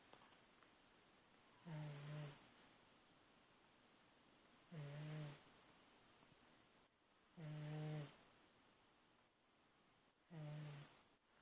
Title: snoring